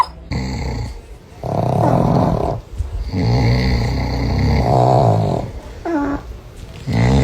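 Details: Dog snoring: long, loud, groaning snores with a vibrating, growl-like quality on each breath, separated by brief pauses.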